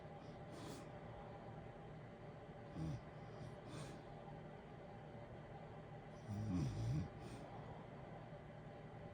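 Two soft, low snorting snores under a steady heater hiss. Sleep snoring.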